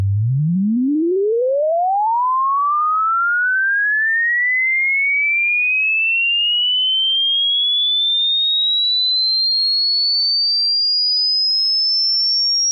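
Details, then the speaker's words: Hearing test: a pure tone sweeps steadily upward from low to very high pitch, for the listener to pause when it becomes inaudible, a check of high-pitch hearing. "In a moment, you'll hear a high-pitch tone. All you have to do is pause the video when you can no longer hear the sound."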